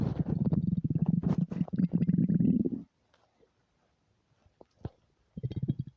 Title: empty stomach rumbles without mic